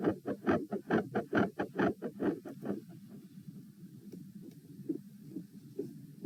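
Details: Heart sounds recorded at position P while standing, at 132 bpm, reproducing feeling unwell and like dropping after 5–10 minutes standing; rapid beats, strong then softer, changing patterns, silent halfway then increasingly louder; tachycardia with third heart sound, fixed split S2 and murmur.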